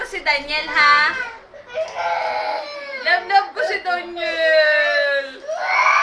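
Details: Baby crying after a phone playing a Daniel Padilla video was taken away: loud wailing cry in repeated drawn-out bursts with catching breaths; ordinary upset infant crying.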